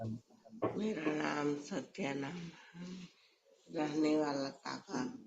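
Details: Patient whose case also reports excessive sleep, constipation, cold intolerance, reduced appetite, menorrhagia followed by oligomenorrhea and severe pallor, presented at a thyroid clinic; hoarse voice.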